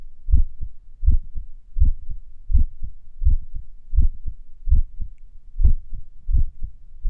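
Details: Heart sounds a few minutes after morning exercise, during recovery: clear paired beats around 80 per minute with gently uneven spacing between beats; sinus arrhythmia.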